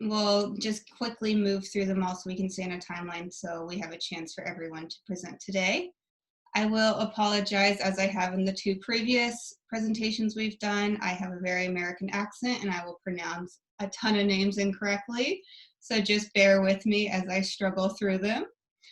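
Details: Adult woman speaking; normal speech.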